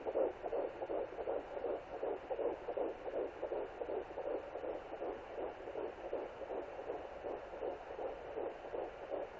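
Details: Fetal heartbeat at 11 weeks 0 days of pregnancy, recorded with a Sonoline B pocket fetal Doppler.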